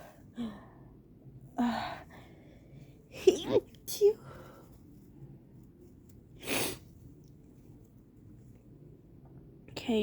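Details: Person with an allergy sneeze attack who says they feel very sick: several sharp, explosive sneezes spaced a few seconds apart with small breaths between; a run of sneezes.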